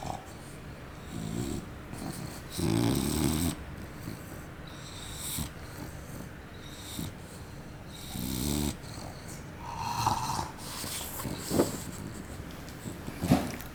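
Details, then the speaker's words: Intermittent rattling snorts on breaths over soft room noise from a sleeping bulldog; snoring. "You're snoring."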